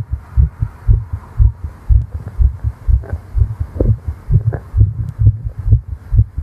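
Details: Fast, regular female heartbeat about 125 per minute, deep muffled thumps heard with the ear on the chest after exertion (flying), in a role-play recording; sinus tachycardia.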